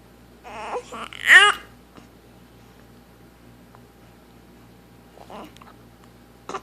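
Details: 7-week-old infant, in a recording about hiccups, gives a short fussy cry rising to a brief wail, then quiets with a few small whimpers; infant crying.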